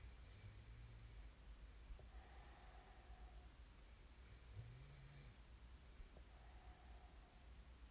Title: [코 고는 소리 ASMR] 코 고는 사람을 좋아하는 사람은 없겠죠? There's no one who likes snoring, right?